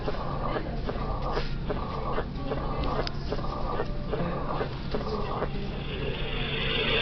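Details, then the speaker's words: 45-year-old West African man with years of dyspnea and lower-extremity swelling; heard with the stethoscope bell at the apex. A uniform, low-pitched, rumbling diastolic murmur of mitral stenosis. "Timing is also diastolic. Shape, uniform, and the pitch is slow. So what would cause a uniform, low-pitched diastolic murmur at the apex? Really only one thing can do this: mitral stenosis."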